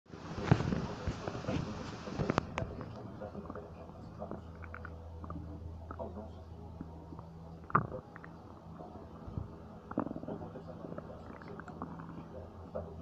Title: Stomach Noises 3